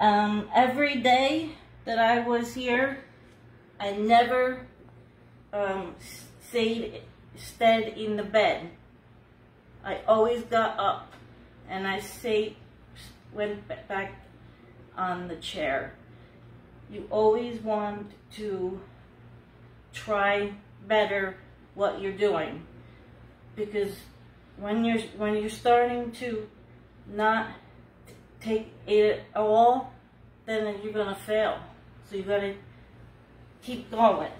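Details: Aphasia in an adult woman about two years after a hemorrhagic stroke and seven brain surgeries; she could not talk at all a year earlier and is working to recover her speech.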